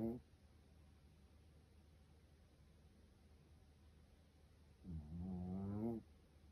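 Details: Sleeping Japanese Chin dog snoring, with its ears and lower right paw moving: a brief snore, then a longer rattling snore about five seconds later.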